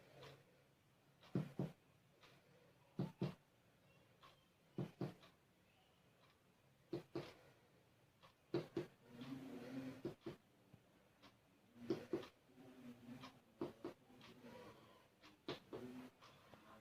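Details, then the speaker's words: Percussion across all abdominal regions during a physical examination: paired finger taps give short, hollow, drum-like notes, normal tympanic percussion over the abdomen. "jadi normalnya oleh akan terdengar suara timpani di seluruh region domain"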